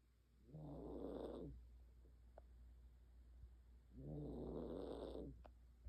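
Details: Two slow rattling snores from a sleeping senior Maltese dog, each about a second long and a few seconds apart, over a steady low hum.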